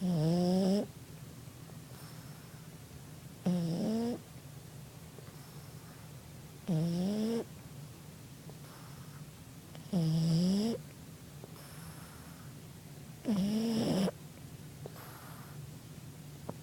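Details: Ruby snoring: regular tonal, rising snores about every 3.3 seconds, roughly 18 a minute, over a steady background hum.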